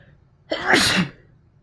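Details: A single forceful sneeze with a quick intake and an explosive, hissing release in a quiet room, from a sneeze compilation recorded mostly while sick with a cold; some sneezes induced.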